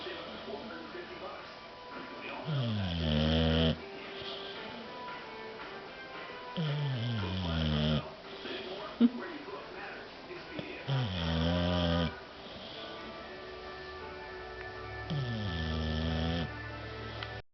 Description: my dog dozer snoring